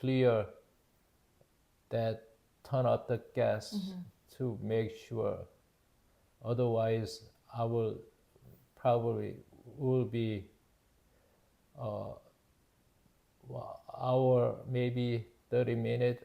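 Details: Man, 52 at his September 2023 ischemic stroke from spontaneous left carotid artery dissection damaging left-hemisphere language areas; initially global aphasia, now Broca's (non-fluent, expressive) aphasia with word-finding difficulty; Korean first language, speaking English; Broca's aphasia.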